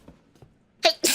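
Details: Korean streamer sneeze compilation: faint quiet sounds, then a sharp two-part sneeze, intake burst followed by a loud hissing expulsion.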